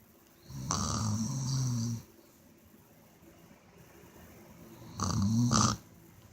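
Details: Person snoring while asleep from tiredness: two loud, low, rattling snores with a hissing edge, separated by quiet breathing; snoring.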